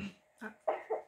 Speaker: entendez ma louloute qui tousse.